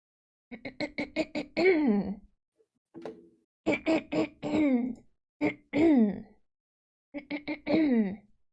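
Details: Woman repeatedly clearing her throat for about 10 minutes: short voiced throat-clearing bursts in quick runs, then drawn-out clearing sounds, in a quiet room.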